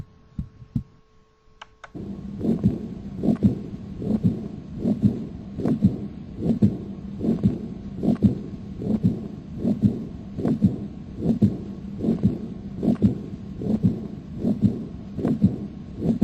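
Simulated heart sounds, regular at about 75 beats a minute, with a soft blowing murmur after each beat, a diastolic regurgitant murmur as in aortic or pulmonary regurgitation.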